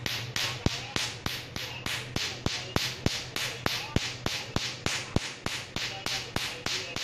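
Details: Tattoo removal laser firing: rapid, regular sharp snapping pulses, about 200 a minute, over a low hum.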